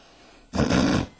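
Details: Snoring, presented in connection with sleep apnea and didgeridoo playing as a possible treatment.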